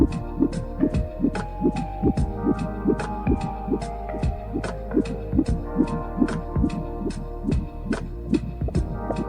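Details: Rapid, regular whooshing fetal heartbeat on a Cofoe HB 2001S fetal Doppler at about 146 beats a minute, over a steady hum.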